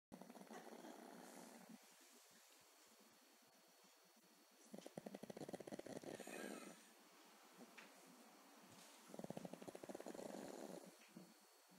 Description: Our pugly dog snoring on her back.^_^